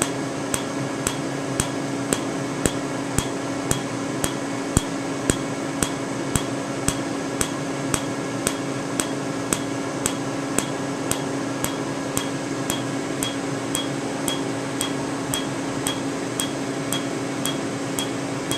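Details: Q-switched Candela TriVantage laser tattoo removal, 755 nm alexandrite for the green part of a faint tattoo before switching to 532 nm for red: sharp evenly spaced snapping clicks, about 113 a minute, over a steady hum.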